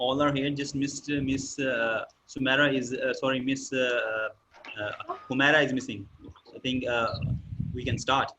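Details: Adult male speaker; typical speech.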